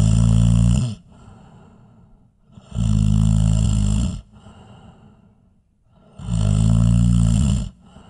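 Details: Snoring sound effect.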